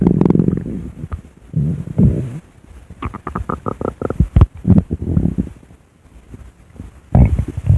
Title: my recorded stomach growling w/art